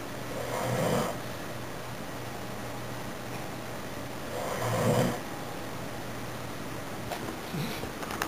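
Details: Female pit bull sleeping, with loud, rattling snores on each breath at about 15 a minute over a low steady room hum; snoring.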